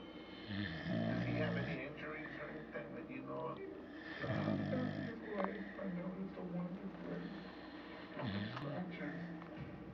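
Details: Loud dog snoring: a sleeping dog gives continuous rough, grunting snores with snorts and whistly noises throughout.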